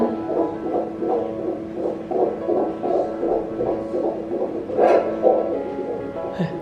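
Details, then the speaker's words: Fetal heartbeat on first-trimester ultrasound, baby about 5 cm: fast rhythmic whooshing pulses measured at 155 beats per minute, within the stated normal range of 120–160. "Alright, but the heart rate should be between 120 and 160 beats per minute. Today, 155 beats per minute."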